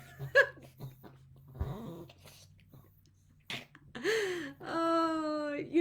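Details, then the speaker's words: Dog Chloe having a reverse sneezing fit: snorting, honking breaths pulled in through the nose in a brief episode, then whining, with room noise in the background. "okay nothing like my dog having a reverse sneezing fit the second I go live"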